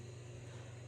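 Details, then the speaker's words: Steady, quiet, low motor hum of a sleep apnea (CPAP) machine running in the room while a mother sleeps. "And I'm sorry if you can hear my mom's sleep apnea machine. I really wanted to film when she was not in there, but she was sleeping, and I have to go, and I had to get this st"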